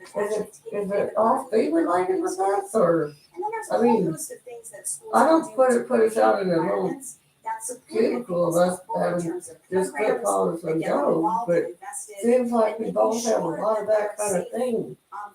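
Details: Adult man with self-reported cerebral palsy who lives with his mother and a caretaker; dysarthric speech in cerebral palsy.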